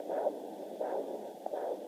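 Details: Fetal Doppler comparing pulses: the mother's pulse is heard as a slow beat, in contrast to the baby's quick heartbeat at about 155; maternal pulse on fetal Doppler.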